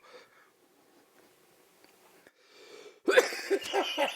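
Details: Man coughing after inhaling fruit-flavoured vapour while smoking: quiet exhaled breath, then a burst of loud, harsh, irregular coughing; an irritant cough.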